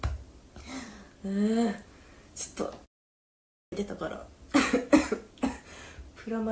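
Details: Woman coughing during a radio-style talk: short, harsh coughs and throat clearing interrupt her speech in a small room, and she says she can barely talk.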